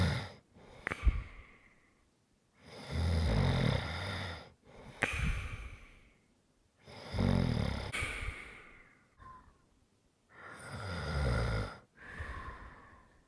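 Deep rattling snores on breathing in, with snorts and hissing breaths out, about 15 breaths a minute: snoring during sleep.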